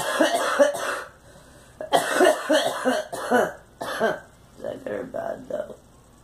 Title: Girl coughing